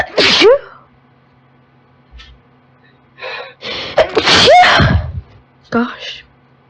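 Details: Three forceful uncovered sneezes, each preceded by a sharp inward gasp, with breathy sounds between, from a girl with allergies in a sneezing fit that started right after she turned on a desktop computer; exposed to her known nasal sensitivities.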